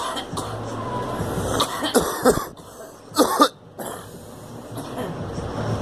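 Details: Girl coughing: several short, forceful coughs over steady background noise as an adult encourages her to let it out.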